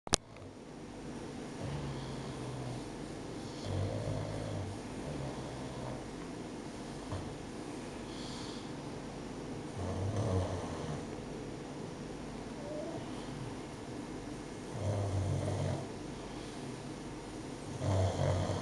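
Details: Pug dog named Polla, sleeping while her belly is rubbed; repeated low, rattling snores about every three to five seconds over a steady fan-like hum: snoring.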